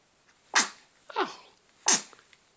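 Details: 9-week-old infant, talkative, sneezing in a quiet room: three small, sharp, hissing sneezes in quick succession.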